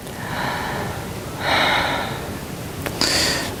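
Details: Normal breath sounds through a stethoscope on the anterior chest of a volunteer breathing through an open mouth in an auscultation demo: soft airy breaths, about two cycles in under four seconds, no wheeze or crackles.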